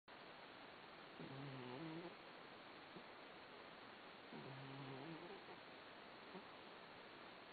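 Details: Cat snoring while asleep under a kotatsu (heated table): two slow, low, rumbling snores with a tonal buzz, about eight a minute, over steady hiss.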